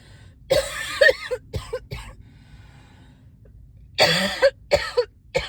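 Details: Person who says they are not sick, with a mild cough from the change of seasons: two bouts of short, harsh coughs with throat clearing.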